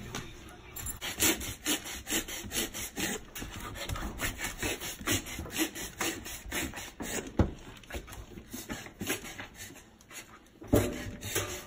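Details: A 4-month-old puppy with vet-confirmed kennel cough, later treated and recovered, gives a long run of harsh, rasping, honking coughs. Kennel cough.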